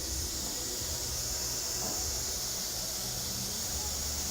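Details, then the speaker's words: Continuous high-pitched whir of a low-speed electric dental handpiece at about 10,000 RPM with a small OptraPol point, feathering margins and polishing a posterior composite filling along its anatomy. "I do this on a low speed. I've got a electronic handpiece system here, and you want to check with your manufacturer specifications and your particular unit. But on mine, I'm going to be doing about 10,000 RPMs, and with this point,"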